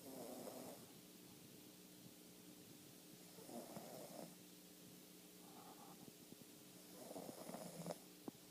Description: My sister's chihuahua named Bella snores.